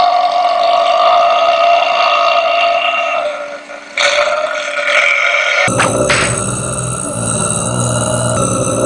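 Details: Ordinary burping: repeated low, drawn-out belches over loud background music.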